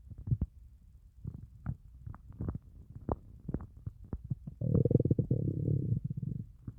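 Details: Hunger stomach growling (borborygmi) after fasting for over 30 hours: low, bubbling gurgles and a sustained groaning rumble from the belly.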